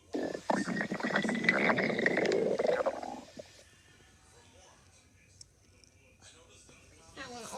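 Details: Loud bubbling, squealing gurgle from a cat's belly for about three seconds, then near quiet: cat stomach growling (borborygmi).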